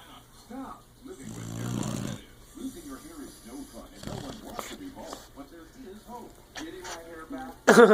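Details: Pit bull sleeping and snoring loudly: snuffling, grunting snores with a few louder snorts, ordinary canine snoring.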